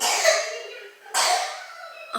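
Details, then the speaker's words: Child coughing a lot today while sick; a few days earlier he had a sort of asthma attack treated with Ventolin; cough. "tous beaucoup aujourd'hui mais il a fait une sorte de crise d'asthme il y a quelques jours"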